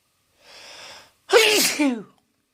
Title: Two more good sneezes (M)